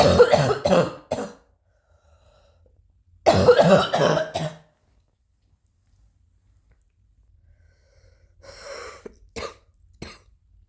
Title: new coughing